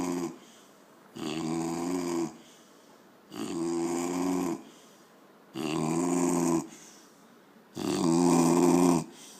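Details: A sleeping dog snores loudly and rhythmically, each breath carrying a buzzy low-pitched rattle, about 26 breaths a minute, with quiet pauses; snoring.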